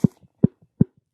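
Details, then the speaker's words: Jaw clicking (temporomandibular joint popping) in an adult male pro wrestler: three dull pops, each followed by a softer click, as the jaw moves in and out. TMJ is questioned; he once dislocated his jaw wrestling in high school, and a brother also punched him. "That's my jaw. Your jaw popping in and out. Is that TMJ or is that from your brother punching you?"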